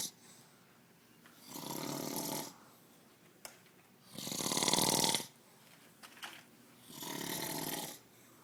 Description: LOL my dad is awesome at snoring!